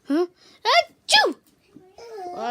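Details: Person sneezing repeatedly, unable to stop, while doing makeup on little brother: three quick voiced sneeze-like bursts with rising then falling pitch, then a brief voiced sound; sneeze.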